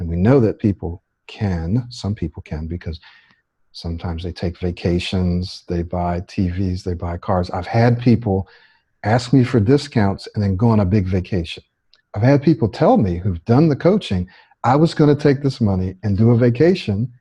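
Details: Adult male speaker; typical speech.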